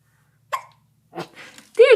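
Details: Young infant with hiccups in the morning, said to be less loud than earlier: one sharp, abrupt hiccup followed by brief background talk; hiccups.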